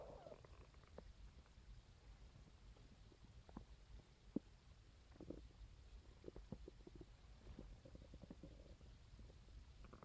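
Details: Morning stomach growls recorded with a phone on waking: faint low rumbling with scattered gurgles and soft pops over steady hiss; ordinary stomach growling (borborygmi), a normal finding.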